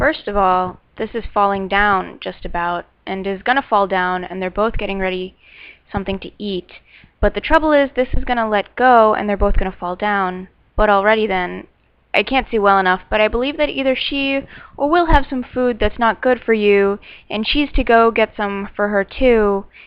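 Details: Adult woman describing a picture; fluent aphasia.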